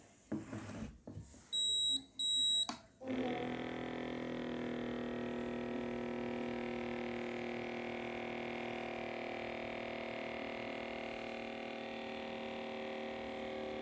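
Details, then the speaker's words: Automatic upper-arm blood pressure monitor with LCD display: a few short beeps after pressing start, then steady pump hum as the cuff inflates for a normal measurement during an unboxing demonstration. "దాని తర్వాత మనం start button నొక్కాలి."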